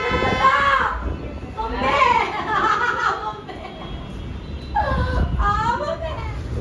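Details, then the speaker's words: In hospital, a female patient who was admitted unwell cries out loudly in pain while being given injections. The drawn-out cries have sobbing breaks and wavering pitch. "भोले बार-बार जहां पर है क्योंकि वह रो रही अंदर में दर्द हो रहा है उसका बहुत ज्यादा इंजेक्शन दे रहे हैं उसको"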